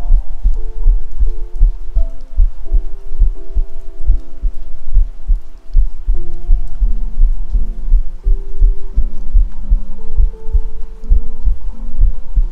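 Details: Self-recorded heartbeat with 3Dio binaural microphone: steady, regular low thumps at roughly 80 beats a minute, soft music-like tones behind; normal heartbeat.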